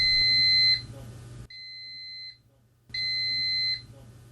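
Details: High-pitched repeating electronic beeps from an Applix Smart enteral feeding pump alarm; the feed has stopped and needs attention.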